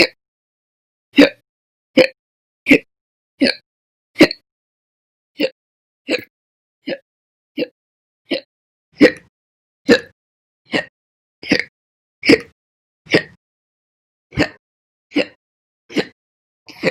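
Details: Slow, persistent hiccups: short, abrupt gulping catches at about 77 a minute, somewhat irregular, with silence between.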